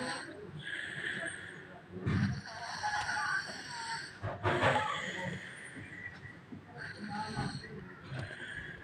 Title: Snoring Kid Part 4/5(2)